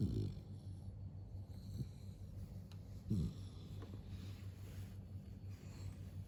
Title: 01- Chó Mông Cộc ngủ ngáy tít thò lò - lovely H’mong dog snores